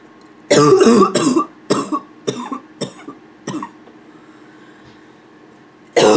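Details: Nonstop barking cough from a female (f): a rapid run of six harsh barking coughs, weakening, then a pause and a seventh cough.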